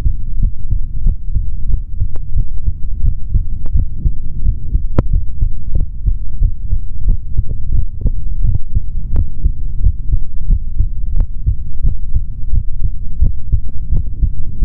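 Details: Adult male's normal heart sounds through a stethoscope: steady low thumping, around 80 beats a minute, under heavy rumbling noise.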